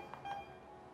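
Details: Two short, soft electronic keypad beeps from an IV infusion pump in drip mode as the drip rate is set (20 drops per minute), in a quiet room. IV infusion pump keypad beeps.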